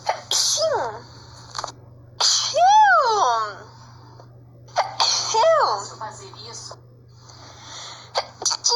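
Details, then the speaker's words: Person in Brazil sneezing, remarking they had not sneezed in a long time: a few sharp sneezes, each with a voiced burst and a hissing release, in a quiet room. "Nossa, fazia tempo que eu não espirrava. Nossa, fazia muito tempo que eu não espirrava."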